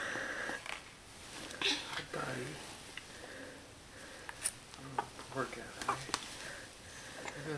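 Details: Infant aged 3 months 1 week with a cold, asleep in a bouncy seat with arms swaddled during a 2.5-hour nap; soft, noisy, congested-sounding sleep breathing with whistly tones and small clicks: infant snoring.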